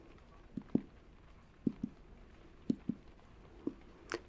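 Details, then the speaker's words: Simulated resonant percussion note: soft paired hollow taps on an air-filled cheek, demonstrating how percussion over air-filled tissue such as the lungs sounds resonant, unlike the flat note of a cheek without air. "So, that's what we're kind of listening for is those differences in the sound. So, I'm going to start here at the lung apices. And then we're just going to move our way down in a bit of a ladder-like fashion. So, starting up here. Good. What we want to hear is a resonant tone."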